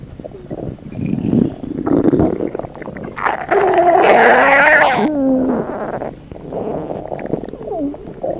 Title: VERY FUNNY Stomach Noises (For @StingyNewBrunswickHPT)